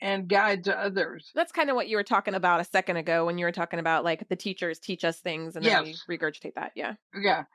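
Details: Adult woman speaking; typical speech.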